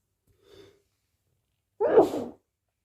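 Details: Short quiet breath in, then one loud explosive sneeze after repeatedly announcing "I need to sneeze"; an ordinary single sneeze.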